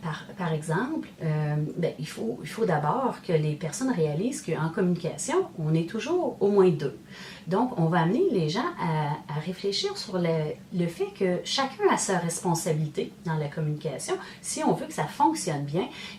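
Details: Adult woman speaking French; Normal speech.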